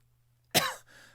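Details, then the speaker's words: Adult who has had a cough for about two weeks, feels fine but can't stop coughing; a single short, harsh cough, a persistent cough. "All right. I've had this cough for like 2 weeks,"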